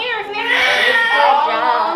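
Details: Loud, sustained, strongly voiced wail from a newborn girl just after a natural birth at a birthing center, born 9 days past her due date; a vigorous normal first cry.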